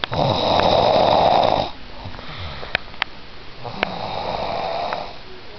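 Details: Sleeping person, jokingly called a snoring beast, gives one loud, long rasping snore, then quieter breathing with a few clicks and a softer snore building again; snoring.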